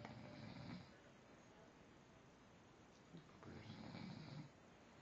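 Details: A sleeper gives two rough, rattling breaths separated by a quiet pause: snoring.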